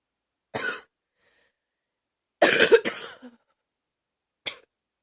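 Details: Four separate adult coughs, one a quick double burst with a loose, rattly tail; wet productive cough.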